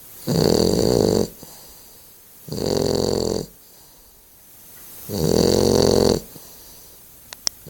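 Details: Loud, rough snores of about one second each, three in under eight seconds with quiet gaps, from a sleeping dog; ordinary snoring.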